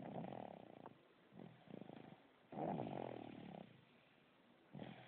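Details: Coarse, rattling snores on each breath with fluttering in between, recorded 9-15-11; snoring.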